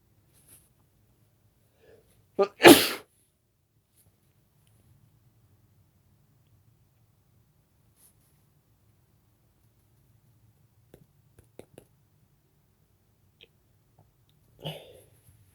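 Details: One loud explosive sneeze after a sharp intake, then a smaller sneeze-like burst in a quiet room; sneezes.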